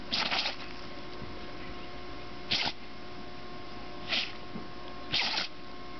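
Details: Puppy with sand in her nose sneezing: four short, sharp, breathy bursts spaced a second or two apart over steady background hum.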